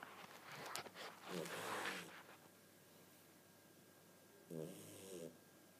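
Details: During sleep there are two rough, rattly breath noises a few seconds apart, with quiet room noise between them. Snoring.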